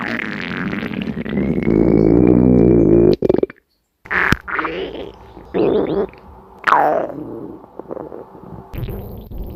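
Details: Long gurgling, squeaky and rumbling stomach growls with short bubbling bursts, loud borborygmi.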